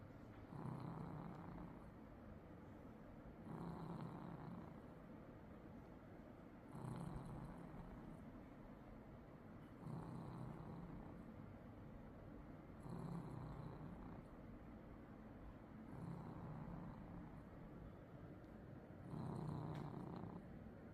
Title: snoring papa cat😺 😴😴 #snoringsounds #snoringcat #snoring #funnycats #chubbycats #sleepycat